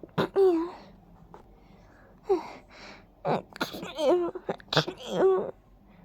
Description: I'm so sneezy today! The pollen really tickles my nose all over... like tiny sparkles of tickly powder.